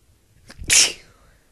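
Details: Partly held-back sneeze, which the sneezer says worsens the spray: a single sharp, hissing sneeze after a brief intake of breath.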